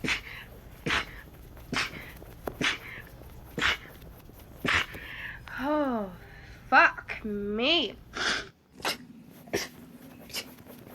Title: girls sneezing rapidly. #3.|| rapid sneeze.